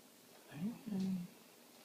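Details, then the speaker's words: Little girl asleep in a car seat; two soft, low buzzing breaths in quick succession: light snoring. "when she sleeps. She likes to snore a little bit. The cutest little snore you'll ever hear."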